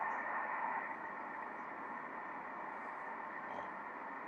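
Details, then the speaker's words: Doppler and triplex Doppler on ultrasound in a missed abortion, titled 9 weeks, with embryo size matching 7 weeks: steady static with no heartbeat signal, embryonic death with the heart stopped. "Et quand j'allume le doppler, il n'y a pas de cœur qui bat, regarde ! [Bruits] Jouer du triplex n'a pas non plus un battement de coeur ! Rien, le cœur s'est arrêté !"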